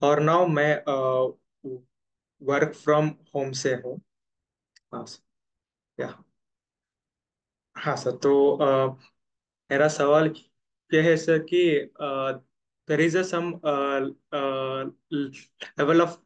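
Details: Real stammering in an adult man who says he stammers more in one-on-one situations; stuttering.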